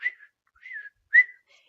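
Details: Woman with tics (Tourette's) producing a simple whistling vocal tic; whistling vocal tic.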